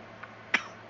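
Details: A young girl's deliberate pretend cough, one short sharp burst: fake cough.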